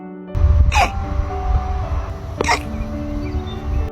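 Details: Alpaca with hiccups: two short, sharp hiccup sounds about two seconds apart, over steady background music.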